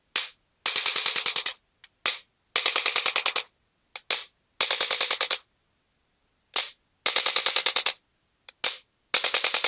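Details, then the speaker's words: Chiropractic adjusting instrument (adjuster gun) firing bursts of rapid sharp clicks, about three to four per second with pauses, on a patient with L3–S1 disc bulges and knee pain, adjusting the right kneecap (patella) found stuck and not moving. "అందుకని మనం ఈ adjuster gun తోటి మనం ఇప్పుడు adjust చేద్దాం."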